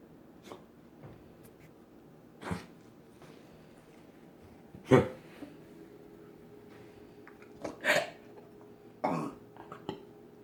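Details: Cough recording dated 3/10/16.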